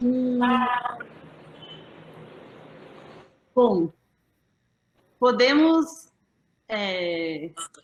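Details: Aphasia after a stroke in December 2016 in a woman, about three and a half years post-onset, still finding figurative language difficult and needing slow speech from others; aphasia.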